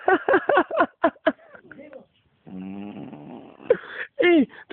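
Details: Sleeping dog snoring.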